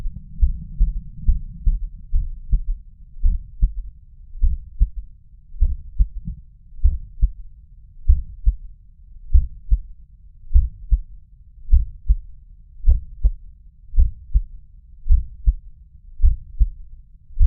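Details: Stethoscope at the mitral area (apex): low, dull heart sounds with a faint extra thud after the second sound, an S3 gallop; third heart sound.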